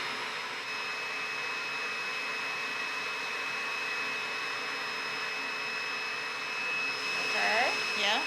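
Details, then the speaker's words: Smoke evacuator vacuum running during loop debulking of a skin growth (seborrheic keratosis), done with care to spare hair follicles: steady whining suction hum, faint voices near the end; smoke evacuator running. "That's a vacuum sometimes gets a little smoky."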